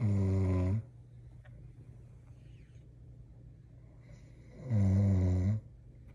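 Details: Adult man (husband) asleep: two loud, low, rattling inhaled snores about four seconds apart, quiet in between; ordinary snoring.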